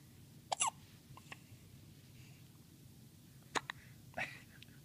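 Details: A three-day-old newborn girl gives short, sharp hiccups, three to four in five seconds, after her first good feed, against quiet room noise; ordinary newborn hiccups.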